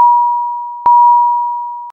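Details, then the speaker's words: High priority alarm on an Efficia DFM100 monitor/defibrillator, warning of a life-threatening condition such as asystole or ventricular fibrillation: steady high beeping tones repeating without pause, needing immediate response. "a high priority alarm warns of a life-threatening condition such as asystole or ventricular fibrillation and requires an immediate response the alarm message displays with a red background and sounds like this"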